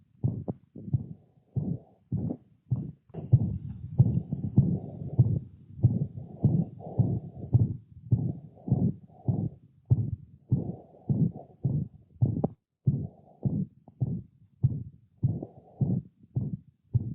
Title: Systolic murmur of mitral regurgitation in a dog (most common auscultation finding)